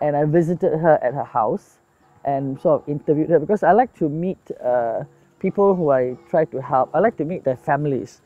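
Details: Adult speaker; ordinary speech.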